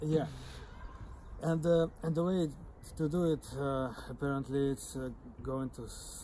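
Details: Stuttering (stammering) in an adult who stutters, who is using speech techniques.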